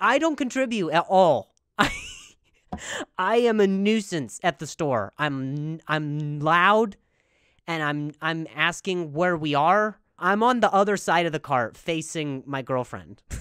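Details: Adult speaker; stuttering.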